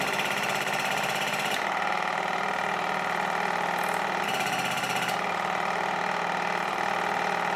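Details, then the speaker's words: Waterpik WP-100 E Ultra water flosser in use cleaning rear interdental spaces and gum pockets: continuous buzzing, rapidly pulsing motor hum, not very loud, with brief shifts as the jet moves around the mouth. "urządzenie nie jest zbyt hałaśliwe No chociaż troszeczkę uczciwie powiem nie słychać"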